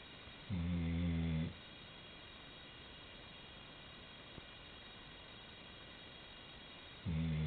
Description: Our 90 pound chocolate lab snoring!! She is at the end of the bed and I was recording this laying down on my pillow